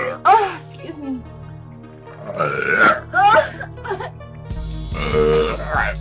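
Several loud, drawn-out voiced burps, with music playing in the background.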